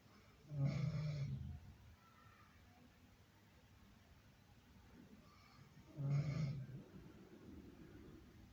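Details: Two loud, low rattling snores about five seconds apart, each rough and fluttering, with quiet breathing between; ordinary snoring.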